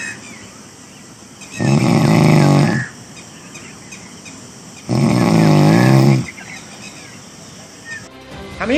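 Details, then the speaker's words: On-duty UP 112 police driver in Hamirpur filmed in deep sleep: two long, loud, rattling snores on breathing in, separated by quiet breathing out, over steady background noise; snoring. "Police कर्मी के इस कदर नींद में खर्राटे भरने का video viral होने से यूपीए को 12 पास जनता की सुरक्षा को लेकर सवालिया निशान खड़े हो गए हैं"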